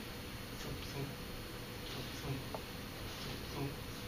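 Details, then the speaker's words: Vocal imitation in an anatomy lecture of normal heart sounds heard through a stethoscope: soft, low, paired thumps mimicking the lub-dub of valves snapping shut. "you can hear the vows when they snap shut they make a sound and if you're listening with a stethoscope to your heart you can hear it it sounds"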